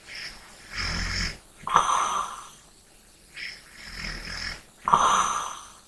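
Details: ASMR recording for relaxation: soft fluttering snores on the in-breath, each followed by a breathy out-breath, about two cycles in six seconds; light snoring.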